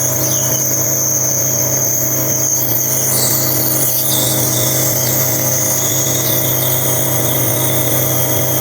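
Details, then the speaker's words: 9-month-old baby with cough and colds for over a week, asleep at night during a nebulizer treatment: steady loud mechanical hum and whine from the nebulizer compressor running continuously. "gabi na guys pero kailangan kong magp nebul sa aking baby kasi meron siyang upo at sipon"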